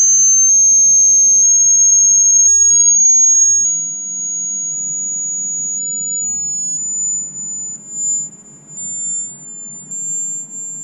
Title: PNHS Anatomy & Physiology Hearing Test